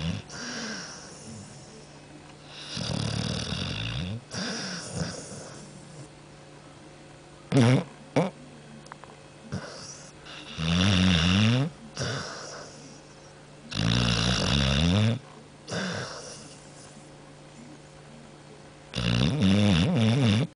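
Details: Dog snoring: irregular loud vibrating snores with snorting bursts, six or so in twenty seconds, over a low steady hum.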